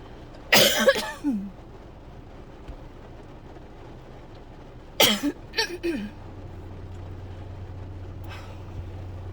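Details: Person who woke up coughing and has barely stopped, probably getting sick: two harsh, dry cough bouts with no rattle, the second a quick burst of three coughs, over low engine hum; painful dry coughing fit.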